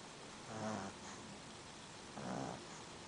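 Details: Female pug that snores all the time: two short, low, buzzing breath sounds over a quiet room hiss, roughly 35 a minute; soft snoring.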